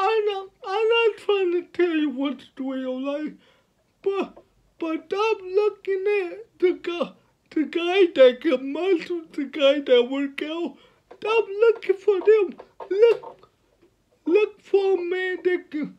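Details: 29-year-old man with cerebral palsy from birth, born at five months (premature), speaking about his own life; dysarthric speech in cerebral palsy.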